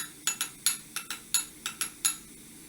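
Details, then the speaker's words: Nine sharp metallic taps in under three seconds: a mallet driving a periotome to cut only the periodontal ligament during atraumatic extraction of a tooth with a type 1 socket, before implant placement. "Insert periotom and mallet, tap tap tap, to cut the only periodontal ligament."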